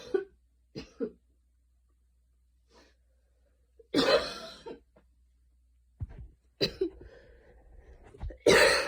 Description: i went on like a super fast run, for like 10 mins, light rain outside, a little cough, enjoyy